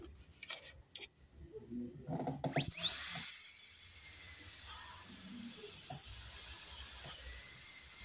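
High-pitched whine of a high-speed dental drill spinning up and cutting a tooth during veneer preparation, with soft room noise.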